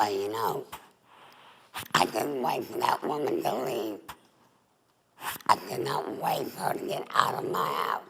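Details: Adult woman, former smoker, with alaryngeal speech after total laryngectomy (larynx and voice box removed) for laryngeal cancer, breathing through a neck stoma.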